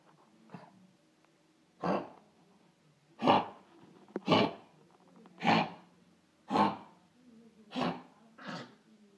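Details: A dog gives a run of about eight harsh, dry hacking coughs, fitting kennel cough.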